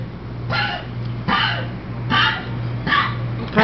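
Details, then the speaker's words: Chubby pug, just in from outside, has a coughing fit of five harsh hacking coughs in quick succession. A vet diagnosed fluid in the lungs and prescribed pills and weight loss. "Buddha just came in from outside so he's having a bad coughin fit poor guy he went to the vet today thankfully it's nothing too serious he has fluid in his lungs because he's a little chubby"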